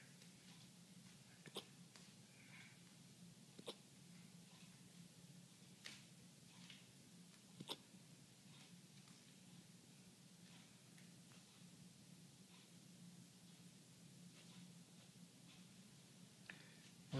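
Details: Puppy hiccups: faint, sharp hiccup clicks at irregular intervals, about five over seventeen seconds, against steady room hiss.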